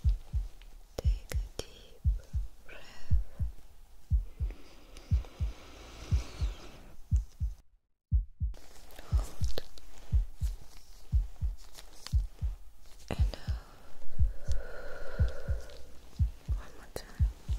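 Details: ASMR doctor role-play physical exam (simulated) with a stethoscope heart check: a steady, low thumping heartbeat at about 60 beats a minute with soft rustling; normal heart sounds.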